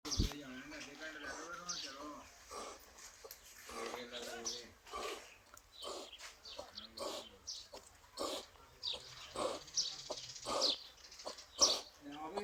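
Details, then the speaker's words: Cow or buffalo with drenching (aspiration) pneumonia after liquid given by mouth entered the lungs, causing swollen lungs and difficult breathing with coughing: strained, groaning sounds with each effortful breath; laboured breathing from aspiration pneumonia. "आपने जानवर की जो है वो तकलीफ आपने देख ली है कि उसकी आवाज़ कितनी मुश्किल हो रही है, उसको सांस लेने में कितनी दिक्कत हो रही है।"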